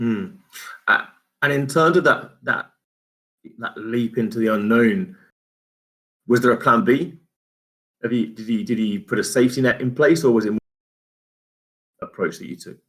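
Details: Adult male speaker; normal speech.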